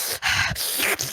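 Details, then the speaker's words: Short, sharp, hissing sneeze bursts from an adult woman who has been sneezing repeatedly all week; she attributes it to mold. "oh my God why am I sneezing so much I must not be used to the mold it's been a while"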